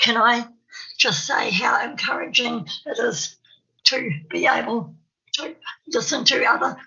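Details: Real stammer (stuttering) in an adult woman from New Zealand who says she has a stammer, heard while she gives a conference presentation; stuttering.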